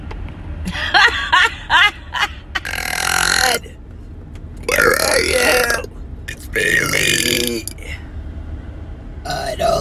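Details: Burping: several short burps followed by long, drawn-out loud belches, some voiced, with brief talk between them.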